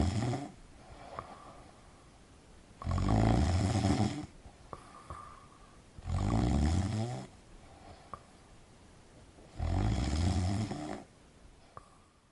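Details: Snoring in a male sleeper: three loud, low, rattling snores on inhalation, about 19 per minute, with quiet gaps between them.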